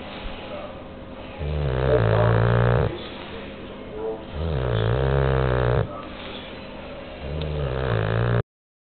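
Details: Bulldog snoring: loud, buzzing, throaty snores about every three seconds, roughly 20 a minute.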